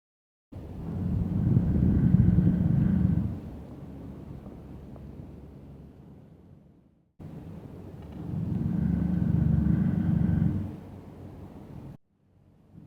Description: Asiatic bear, Inca, is heard snoring her head off!